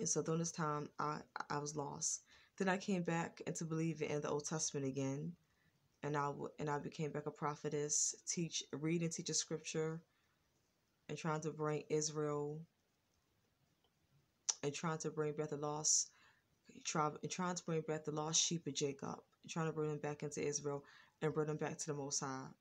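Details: Stuttering in an adult woman with a lifelong stutter, now more controlled than in earlier years, when it was worse with throat blocks, ticking noises and pauses.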